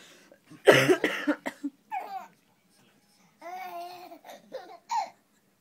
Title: has a cough and thinks its REALLY funny!!